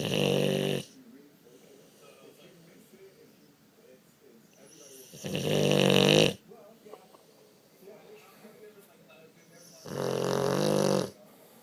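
Three loud, rattling inhalations about five seconds apart, roughly 12 breaths a minute, with quiet between; loud snoring.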